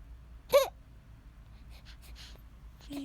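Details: One abrupt voiced catch with a brief upward squeak, then faint breathy sounds and a small click: a single hiccup.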